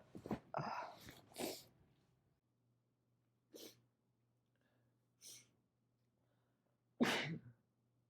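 Several sharp sneezes with short breaths between them, the loudest one near the end, then quiet.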